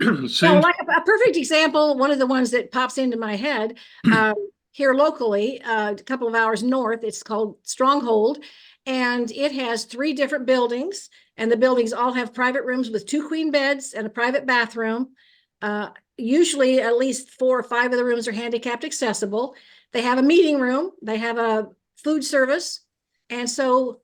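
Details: Adult woman speaking; typical speech.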